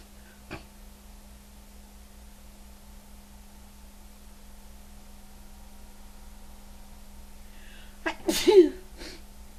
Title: Sneezing in Threes